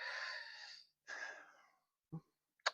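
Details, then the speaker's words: Streamer on a live weather broadcast, unsure why wheezing, says they rarely wheeze and can't breathe, feels it's the throat: two drawn-out hissing breaths with faint whistling, then a short gasp; wheezing with laboured breathing. "Oh my gosh. Every time I want to breathe, I can't breathe. Oh my gosh, I can't."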